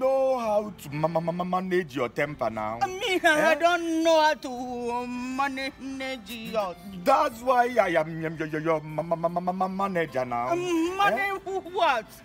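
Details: Male character in a comedy skit portraying a stammerer; stuttering (acted).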